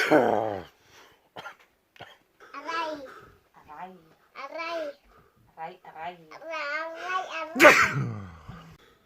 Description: Guess what I have another World Loudest Sneezes video.